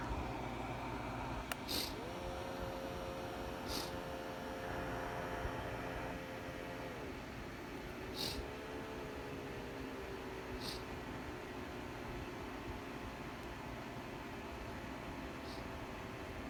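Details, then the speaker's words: OMRON Evolv one-piece wireless upper-arm automatic blood pressure monitor placed on the arm: a steady pump whine as the cuff inflates, its pitch shifting as pressure builds, with faint clicks and room noise; cuff inflating. "get it right there press the button so hello let me see if I can get the display there a little bit so as you can see it is inflating right now for"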